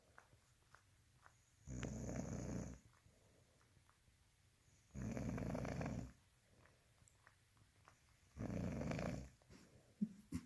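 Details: Three long, low, rumbling snores on the in-breath, about every three seconds, roughly 18 breaths a minute, in a quiet room.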